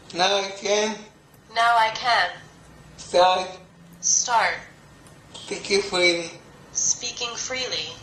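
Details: Young multilingual woman with cerebral palsy since birth affecting her speech, who uses a speech-recognition app to communicate; finding: dysarthria (cerebral palsy).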